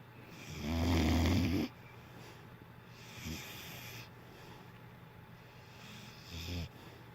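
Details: Sleeping dog snoring: a loud, deep, rattling snore, then quieter snuffling breaths over steady room noise.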